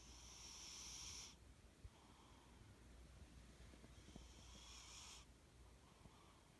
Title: My cat snoring!